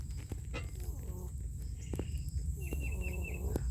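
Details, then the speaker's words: Cat on half of a 5 mg prednisolone dose as it wears off, due for the next dose: steady heavy purring rumble mixed with faint whistling wheeze on breathing, outdoors with background noise. "oh yeah you're purring you're purring but the weather is not cool enough for"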